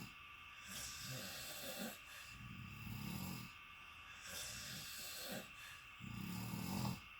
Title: This is why you book AIRBNB AND NOT A HOTEL ROOM !!!! SYMPHONY ORCHESTRA snoring